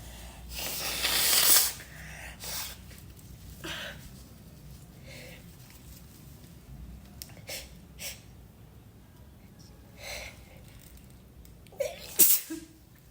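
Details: A loud sneeze, then small sniffs and breaths, and a second sneeze near the end, induced with help; ordinary harmless sneezing.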